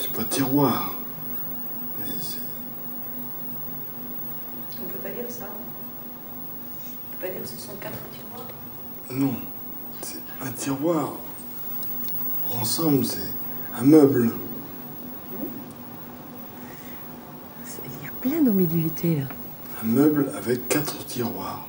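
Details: Aphasia in a French-speaking man during a picture-naming task, with word-finding difficulty. He uses circumlocution and semantic substitution, describing the object and using one word in place of another, so his meaning is ambiguous.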